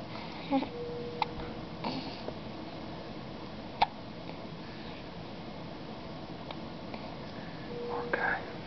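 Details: Infant in a NICU crib with hiccups, episodes frequent now that he is feeding, while squirming; soft sharp little catches recurring every few seconds over hushed room noise and a quiet adult voice: infant hiccups.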